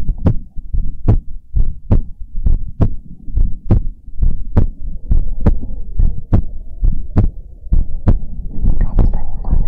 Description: This is another Heartbeat Sounds ASMR video.